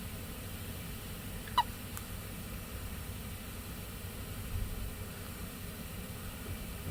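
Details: Squeaky little infant hiccups caught on camera by mum: a single sharp, squeaky hiccup, possibly followed by a fainter one, over low room hum; ordinary infant hiccups.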